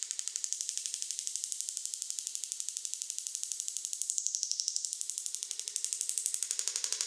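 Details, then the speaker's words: Extracorporeal shockwave therapy on the right lower back for reported pain at a medical spa, at a faster setting. Rapid, steady clicking pulses at about four per second from the shockwave device. "“Bạn nói rằng bạn bị đau ở lưng dưới bên phải, vì vậy tôi sẽ điều trị ở đó” “Lần này nhanh hơn một chút, nghe như thế này.”"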